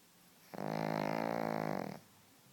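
A single drawn-out, buzzing, fluttering snore lasting about a second and a half. Snoring in a flat-faced dog.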